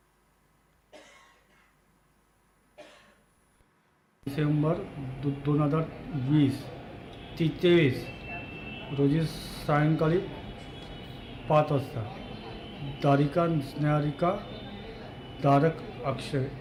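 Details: Patient recording judged by a speech therapist to show stuttering with repeated syllables and blocks, not a voice disorder, though breaks and hesitations could be mistaken for spasmodic dysphonia: stuttering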